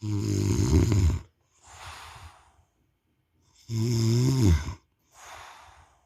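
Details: Adult snoring: two deep, loud, rattling snores on the in-breath, each followed by a hissing out-breath.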